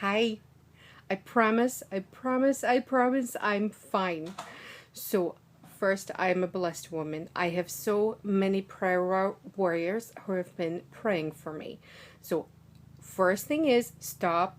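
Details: Adult woman, native American English speaker, with foreign accent syndrome from a small ischemic stroke, recorded 6 days after onset; initially a heavy Eastern Russian accent, now a lighter Western Russian or general European accent, shifting to Irish when passion is high.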